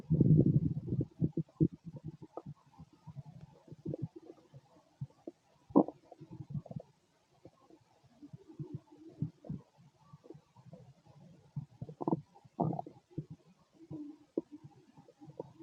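Irregular gurgling and bubbling rumbles with brief squeaks and pauses: ordinary stomach growling from gas and fluid moving through the gut.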